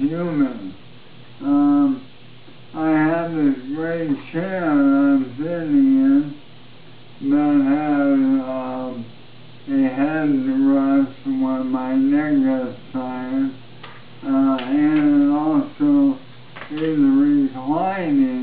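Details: Adult man with ALS (amyotrophic lateral sclerosis), voice markedly worsened since his previous recording, with arm and hand muscle wasting, major weight loss, no longer able to walk; dysarthria (ALS).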